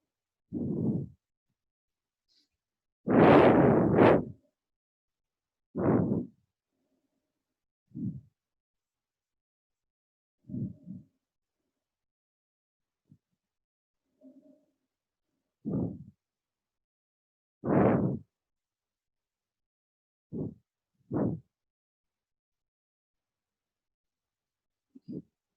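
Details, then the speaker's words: Normal vesicular breath sounds heard through a stethoscope, given as the normal comparison in pediatric bronchiolitis and asthma: soft, low rustling breaths that come and go. "এটা হচ্ছে normal breadth sound, বেসিকুলার।"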